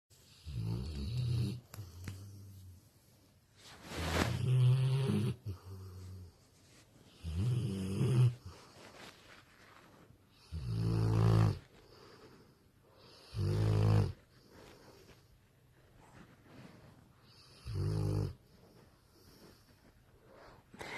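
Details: A female ("girl") snoring while relaxing on a Sunday: loud, rough, low snores about every three seconds with quiet gaps, in a small room.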